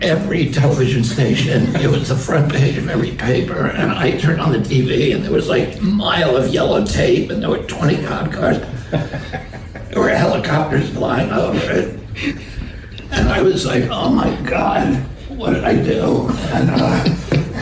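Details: Adult man in a real interview clip telling a story; he attributes his voice to spasmodic dysphonia, a vocal condition he says he has.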